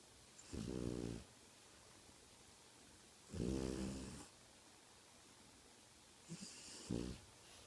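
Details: French Bulldog snoring all night: three loud, low rattling snores a few seconds apart over quiet room noise; snoring in a flat-faced dog.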